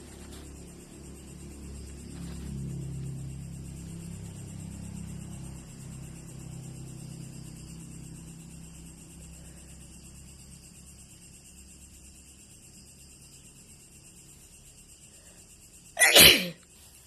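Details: Sneeze: low rumbling background, then one sharp explosive burst near the end.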